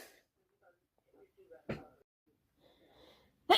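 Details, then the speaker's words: Repeated sneezing from hay fever, not a cold: quiet breathy sounds, then two sharp sneezes. Reported itchy, runny, snotty nose and watery eyes while a housemate passes tissues. "Help me sneeze again. It's definitely not cold. It's just allergy."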